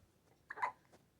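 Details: Having hiccups, which she dislikes; her tummy and chest are rubbed to stop them: a single short, abrupt hiccup sound in a quiet room.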